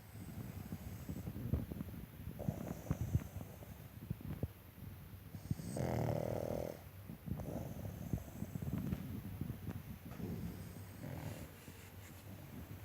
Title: Snoring mango